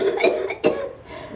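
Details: Two harsh, forceful coughs in quick succession from a woman with cystic fibrosis, possibly set off by cold air; hard cystic fibrosis cough.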